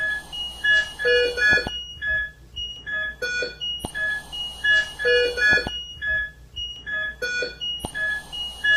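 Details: ICU ventilator and monitor alarm: repeating electronic alarm tones and beeps cycling about every four seconds, from a patient with organophosphate poisoning on ventilator support in intensive care, being treated with atropine injection and lavage.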